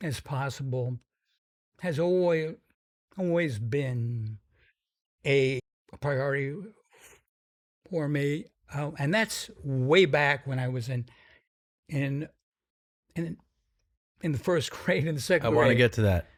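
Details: Stuttering in an adult man described as having a pretty strong stutter whose severity varies; stutters sometimes noticeably.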